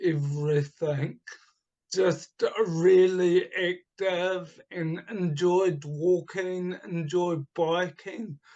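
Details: Adult man with cerebral palsy from oxygen starvation at birth, affecting his right hand and speech; speech has improved markedly but is not back to normal; he also recovered from chronic fatigue syndrome and chronic pain; dysarthria.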